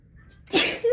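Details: Adult woman's allergic sneezing from dust allergy: quiet in-breath, then one sharp, forceful sneeze with brief voiced sound; stuffy, tickling nose, watering eyes, after repeated false starts.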